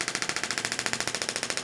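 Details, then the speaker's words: Pulse (pressure) wave therapy unit demonstrated on a volunteer's forearm and carpal tunnel region for carpal tunnel syndrome, intensity turned down, over ultrasound gel; fast, even rattling pulses about fifteen per second as the striker vibrates back and forth. "wave unit vibrating the bullet back and forth that's sending Focus waves of energy into the tissue"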